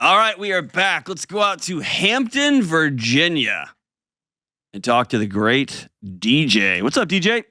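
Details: Adult male host; normal voice.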